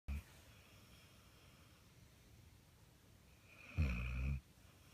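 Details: Dog Zeke asleep: one low, rumbling snore with a faint whistling edge after a short soft noise; snoring.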